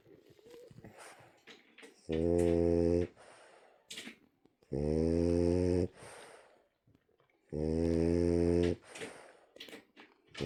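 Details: French bulldog rescue dog fast asleep, giving three loud, buzzing, rattling snores about a second long, roughly 22 a minute, with quiet breathing between: snoring.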